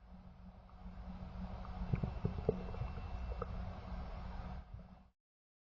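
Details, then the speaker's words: Abdominal auscultation teaching example of sounds that are diminished or absent, as after abdominal surgery or with peritoneal inflammation: quiet abdomen with a few faint, sparse gurgles over a low hum; hypoactive bowel sounds. "hypoactive bowel sounds are diminished or absent and occur after abdominal surgery or with peraonal inflammation they sound like this"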